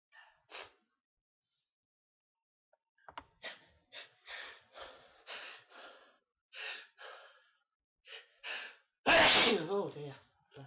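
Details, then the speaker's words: Person having a sneezing fit: a run of short, sharp intakes and puffs of breath building up, ending in one loud full sneeze. "Here we go again. Oh. Oh no. It's not. It's another one coming. Knew there was one. How many are we gonna get?"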